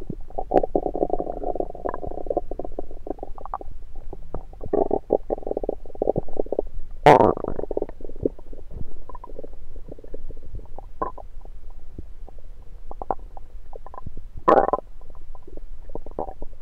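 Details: Own rumbling stomach recorded with a USB stethoscope: low gurgling and rumbling with a few louder bursts, ordinary active bowel sounds.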